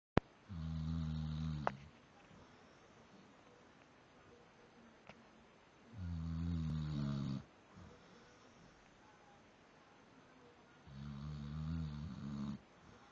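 Three loud, low, rattling snores about five seconds apart, with quiet pauses between them. Ordinary snoring during sleep.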